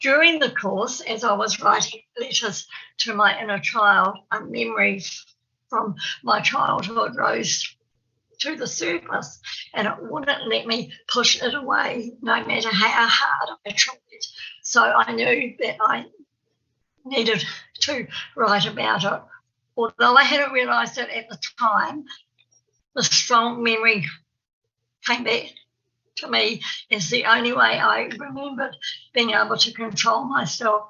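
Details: Stuttering (stammer) in an adult woman, an early childhood teacher in New Zealand, who describes herself as having a stammer.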